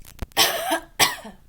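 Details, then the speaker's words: Simulated patient doing a deep breathing and coughing exercise, splinting the chest with an elbow, takes a deep breath then gives two forceful, deliberate coughs: voluntary cough. "you're going to take in a deep breath again except instead instead of this thing instead of exhaling you're just going to cough twice as hard as you can with it okay ready inhale and now"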